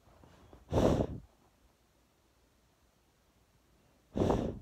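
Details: A pit bull breathing short: two short, forceful, noisy bursts of air through the nose in a quiet room, heard as snorting nasal breaths.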